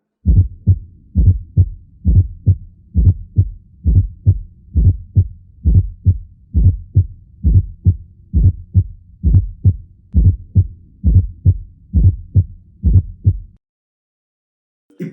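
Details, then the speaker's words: Simulated fourth heart sound (S4 gallop) for teaching: a soft low extra late-diastolic thump just before the first heart sound, about 67 beats per minute. "lembrando é um som telediastólico Então vai ser aqui no terço final da diástole e ele vai acontecer milissegundos antes da primeira agulha agora então vamos colocar os nossos fones de ouvido para gente auscultar a quarta agulha"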